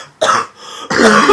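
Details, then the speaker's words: Cough in a sick person who reports coughing up yellow stuff: two harsh cough bursts, the second longer and rougher with a throat-clearing quality, during an acute illness. "I'm done coughing this is hny yep I think I won that"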